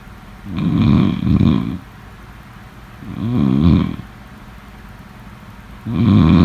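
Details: Loud, deep rumbling snores, each breath fluttering and rattling, about three in six seconds over steady background hiss; snoring during sleep.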